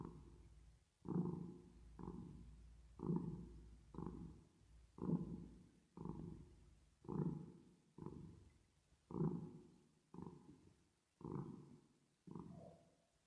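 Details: Resting cat purring, recorded with an added reverb effect: rhythmic low rumbling pulses about once a second, a cat's purring, not stomach rumbling.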